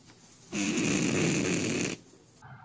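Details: A sleeping cat with one drawn-out, rough, rattling snore lasting about a second and a half, with quiet breathing around it: snoring.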